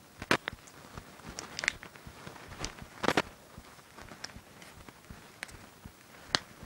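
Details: Knuckle cracking: several sharp short pops and clicks from finger joints among soft handling noise, in someone who says their knuckles are bad.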